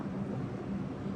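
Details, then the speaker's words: Low steady motor hum of an electric breast pump on its first use, running at its lowest speed setting, L1. "L1 കാരണം ഇതൊരു ഏറ്റവും ചെറിയ സ്പീഡാണ്. ഇത് നമുക്ക് കൂട്ടി ഒരു L7 വെച്ച് കഴിഞ്ഞാൽ അത്യാവശ്യം നല്ല സ്പീഡിൽ നമുക്ക് സക്ക് ചെയ്തെടുക്കും."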